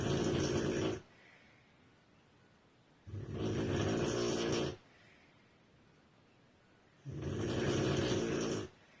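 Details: Three long, loud, rattling snores on in-breaths about every three to four seconds, with quiet pauses between, from a sleeping woman described as a very heavy snorer; snoring.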